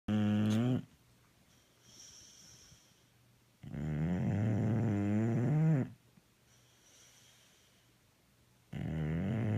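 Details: Dog snoring while awake and tired: loud, rough, buzzing snore-like breaths in long drawn-out bursts separated by quieter pauses.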